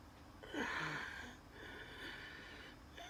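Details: Noisy, laboured breaths with a high, whistling musical tone during a night asthma attack with dizziness and chest pain; wheeze from narrowed airways.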